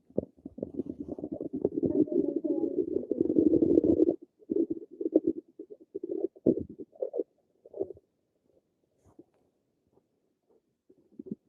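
A long run of rapid gurgling and bubbling, then scattered short gurgles fading out; normal active bowel sounds.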